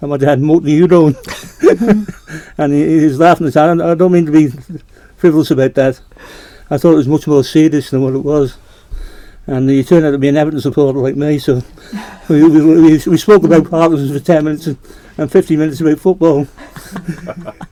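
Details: Adult man with Parkinson's disease diagnosed in 2008; hypokinetic dysarthria.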